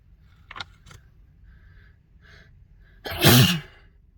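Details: Adult: a few quick, shaky inhaled catches, then one loud explosive sneeze with a voiced ending.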